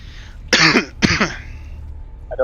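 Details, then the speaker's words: A cough from a player during a live-streamed tabletop role-playing game session, who then says the coughing was them. "anybody hear that coughing that was me"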